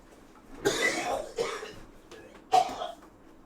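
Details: An adult cooking steak, who calls it his smoker's cough, gives three harsh, dry coughs with a throat-clearing quality; an irritant cough.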